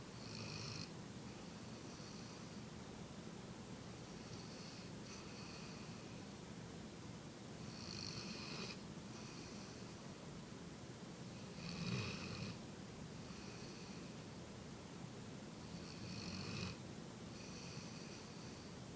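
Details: Female pet dog sleeping in her owner's lap: soft, faint snoring with a gentle snort every few seconds under steady background hiss; snoring.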